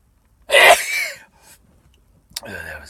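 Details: Adult sneezing after sniffing cayenne pepper off a Q-tip, one of nine induced sneezes: one loud, explosive sneeze with brief trailing breath and a short vocal sound.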